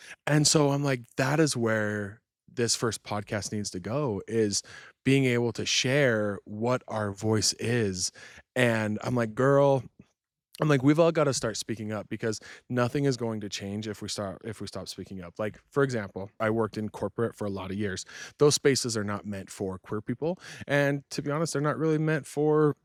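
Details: Adult speaker; fluent adult speech.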